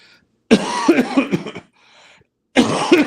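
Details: Several harsh, irregular cough bursts, a pause, then another cough, from a person speaking on a livestream who apologizes for coughing afterward; an ordinary cough.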